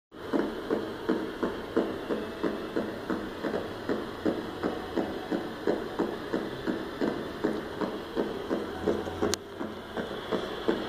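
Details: Needle EMG recording of brief grouped discharges consistent with myokymia: steady, marching thumps of electrical bursts repeating about three times a second over a faint hiss.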